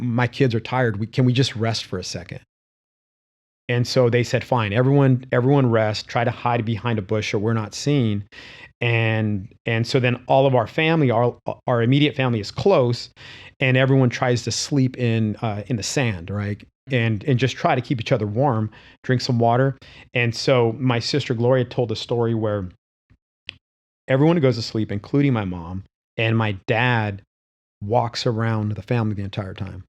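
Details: Adult man with stuttering, which he describes as a disability; stuttering.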